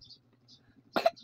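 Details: Young child coughing once while eating lunch: after a second of quiet, a single short abrupt burst, a cough.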